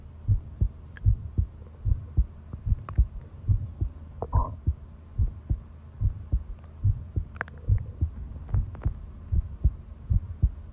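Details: Long continuous heart-sound recording: steady low thumping heartbeat at about 74 beats per minute over a faint hum; normal heart sounds.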